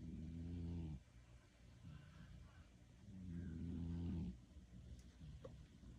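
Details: A cat sleeping in a person's lap snores: two long, low, rumbling breaths with quieter gaps between, about three seconds per breath cycle.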